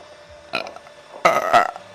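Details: Two loud, low, throaty belches from a woman in a quiet room, the second longer and louder; she apologises and says she burps way too much; burping from a burp compilation.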